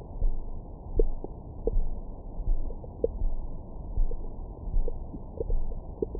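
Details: Bowel sounds recorded with a Stemoscope stethoscope microphone on the belly after a large meal: low gurgling rumbles with brief squeaky bubbling, normal active bowel sounds.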